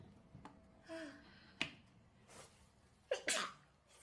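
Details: Japanese voice actor sneezing: short breath in, then a sharp, high-pitched burst, with brief vocal sounds nearby; a single small sneeze.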